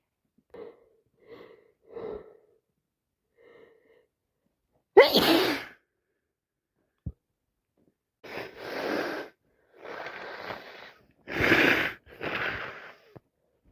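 Several short in-breaths building up, then a series of four or five wet, forceful sneezes; repeated sneezing with a cold.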